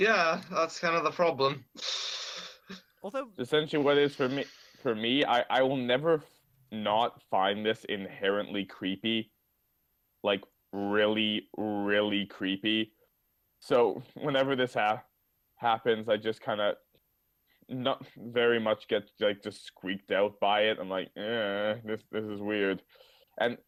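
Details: Adult male speaker; ordinary speech.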